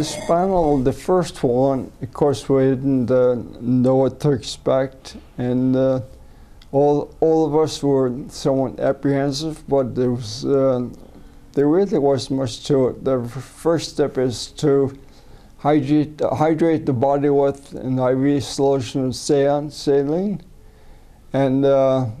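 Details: Adult man with a neurodegenerative disorder first diagnosed as cerebellar ataxia, later rediagnosed as multiple system atrophy, recorded during umbilical cord blood stem cell treatment in China, seeing a speech pathologist; slurred, garbled words; ataxic dysarthria.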